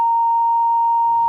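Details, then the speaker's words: A steady, high-pitched pure tone simulating tinnitus, presented as a less frequent symptom of arterial hypertension. "otros signos y síntomas también asociados a la hipertensión arterial pero menos frecuentes son nerviosismo cansancio enrojecimiento facial o rubicundas acúfenos o tinnitus que se escucharon un sonido parecido a éste"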